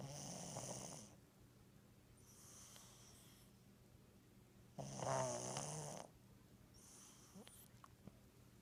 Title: My Cat Romeo Snoring Part 2